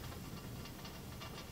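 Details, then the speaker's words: Suction catheter, lubricated with normal saline, tested before open sterile suctioning of an endotracheal tube in a ventilated patient; continuous airy hiss of air and saline drawn through, showing the suction works. "simply lubricate down with this normal saline and test up your stuff to make sure it's working and it is"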